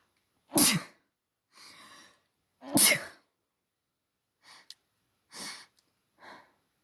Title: allergy sneeze fit with noseblow